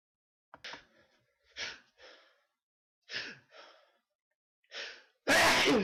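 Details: Several short breathy bursts like stifled sneezes, then a louder, explosive full sneeze at the end.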